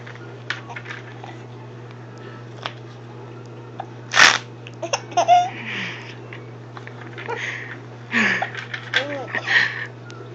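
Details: Laughing while having hiccups, unable to laugh properly: repeated sharp hiccup bursts mixed with laughter and babble over a steady room hum.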